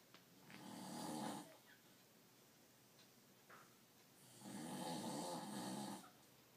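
Two long, rough, vibrating breaths about four seconds apart, each with a softer return breath, in a quiet room. Snoring.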